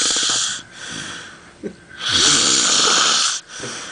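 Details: Person snoring heavily while asleep during carnival 2007: loud, harsh, rattling snores on each breath, with noisy hissing airflow between them.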